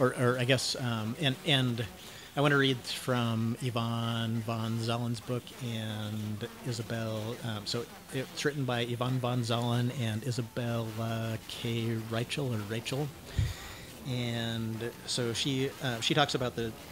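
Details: 49-year-old man diagnosed with cluttering, self-described syntactic subtype, using learned fluency techniques while speaking; cluttering.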